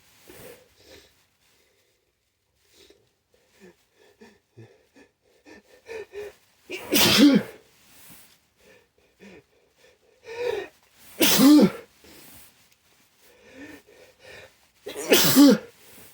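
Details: Three forceful, snotty sneezes, each preceded by quick catching inhalations and sniffs, in a quiet room, induced with chhinkni after white pepper stuck in the nose burned and made the eyes water; sneezing.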